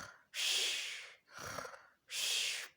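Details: Parent snoring during sleep while family complain: loud, rough breathing in repeated inhale-exhale bursts with a brief snorting pull; heavy snoring.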